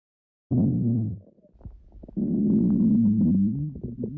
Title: stomach growling